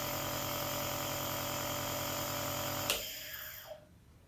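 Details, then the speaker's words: Compressor nebulizer filled with 2 cc saline for demonstration and switched on: a steady mechanical hum and buzz, then a click as it is switched off and the motor fades; nebulizer running. "तो यह हमने इसे line से demonstration के लिए आपको saline इसमें हमने ऐड की है और इसको हम यहां पर ऑन कर लेते हैं"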